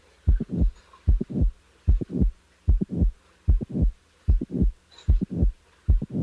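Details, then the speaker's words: Patient with mitral valve prolapse, teaching recording: regular heartbeat about 75 a minute with a mid-systolic click followed by a short late systolic murmur. "The next example is that of a late systolic murmur in a patient with a mitral valve prolapse. Now the mid-systolic click is added. Now, a late systolic murmur is added."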